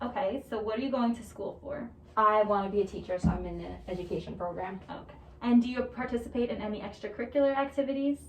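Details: Two young adult women in a role-played voice therapy interview; normal conversational speech.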